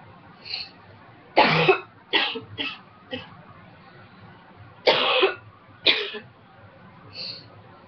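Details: Dry cough during a cold in an ex-smoker who quit almost 2 years ago: two short runs of harsh dry coughs, six bursts in all, with quiet breaths between.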